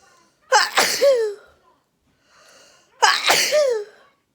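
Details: Deliberately induced sneezing: two loud, forceful sneezes, each with a sharp inhaled lead-in and explosive burst, separated by a short quiet pause.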